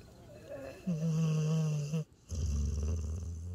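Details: Border collie–Australian shepherd mix, tired after a hike, asleep in owner's arms by a campfire outdoors; a loud, low, droning snore lasting about a second, a pause, then a rougher rumbling breath; dog snoring.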